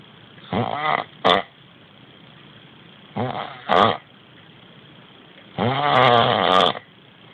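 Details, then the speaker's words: Sleeping man whose friend says something is wrong with his sleep, sounding as if choking: loud, rattling snores with gasping, snorting bursts between; harsh obstructed-sounding snoring. "Jakby się dusił."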